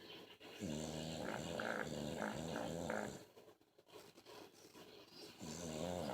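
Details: Man snoring: loud, rough, rattling, rapidly fluttering snore on the in-breath, then a quieter pause before the next.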